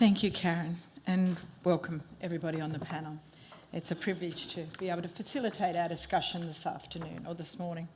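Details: Adult woman speaking; typical speech.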